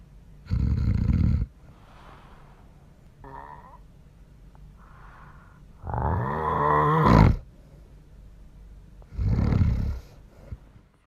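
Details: Loud, harsh snores with rattling, snorting breaths and a strained, groaning inward snore between quieter breathing, from a man recorded asleep at night by his wife; severe snoring.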